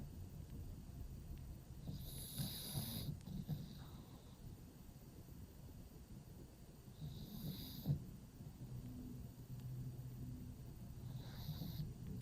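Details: Pug sleeping in a cave-style pet bed, snoring: low, rumbling snores with snorting noises on each breath, about three in twelve seconds, over room noise.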